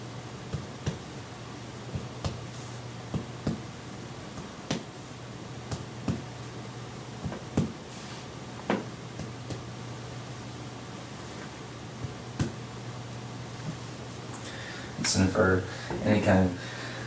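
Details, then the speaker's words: Nursing assessment of an adult patient: a series of soft, short taps from manual percussion over the body, then brief voices; the examiner judges the percussion notes normal. "certain quality sounds can indicate certain health conditions, but sounds normal to me."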